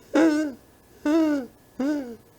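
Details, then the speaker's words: In a respiratory semiology lecture, a speaker vocally imitates a wheeze with three short, high, musical tones of falling pitch, like a cat's meow, from narrowed bronchi; simulated wheeze. "a gente vai ter uma redução do calibre da árvore brônquica e vai fazer com a passagem do ar esse som essa cheia essa sibilância ou tipo um miado de gato"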